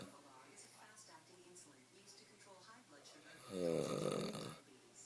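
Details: Quiet room hiss, then one loud, rough, rattling inhaled snore lasting about a second, recorded as proof that a man snores.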